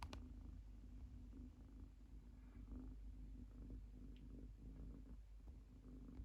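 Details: Sleeping Munchkin kitten lying with her legs out, snoring quietly: soft, steady low rumbling rising and falling with each breath, close in sound to a purr.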